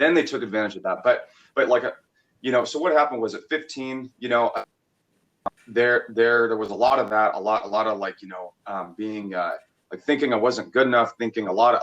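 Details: Stuttering in an adult male, childhood onset with frequent stuttering treated by speech therapy; still stutters occasionally.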